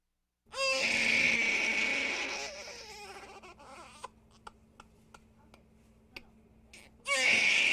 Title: Sound Effects - Baby Crying